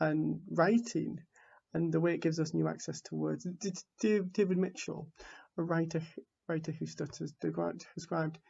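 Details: Stuttering in an adult man from the UK who identifies as a person who stammers, giving a conference talk; word repetitions are audible.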